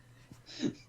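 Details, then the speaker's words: A brief catch of breath followed by a single forceful, hissing burst: one hard adult sneeze during a tabletop game session. "I actually just sneezed really hard. That wasn't the sound of a backhanding."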